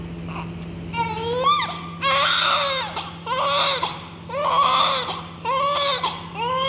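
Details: Rhythmic newborn crying in repeated wails, about one a second, with a steady hum behind it; newborn with inflamed skin on buttocks, thighs and genitals, oxygen tube present.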